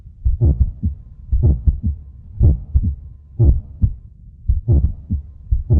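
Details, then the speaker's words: Normal heartbeat as felt with palm on chest from the heart's continuous work: steady low lub-dub thumps about 60 beats a minute, faint music behind. "हृदय छातीवर तळहाट ठेवल्यास आत मध्ये होत असलेली धडधड आपल्याला [संगीत] जाणवते ही धडधड तिथे असलेल्या हृदय या इंद्रियाच्या सतत सुरू असलेल्या कामामुळे निर्माण"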